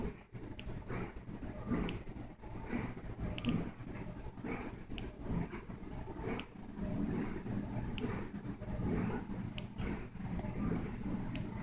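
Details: Cat snoring while asleep, low rough rumbling breaths at about 33 a minute, somewhat uneven, over a steady background hum; it can sleep and snore any time of day and anywhere.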